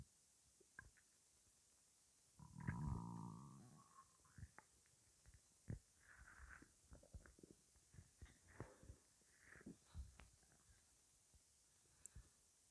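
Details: Weird-sounding stomach rumbling: a low gurgling rumble, then scattered soft bubbling and popping gut noises over quiet background hiss; ordinary bowel sounds.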